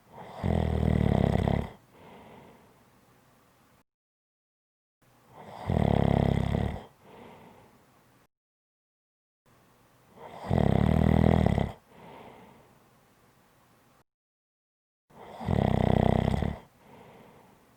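Loud, rattling inspiratory snores roughly every five seconds, about 12 a minute, each followed by a softer exhale and a brief silence: snoring.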